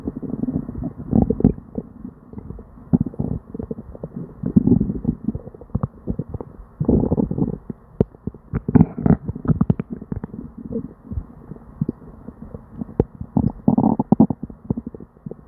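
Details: Person with diarrhea and an upset stomach: near-continuous gurgling and rumbling stomach noises with bubbly bursts, loud frequent hyperactive bowel sounds (borborygmi).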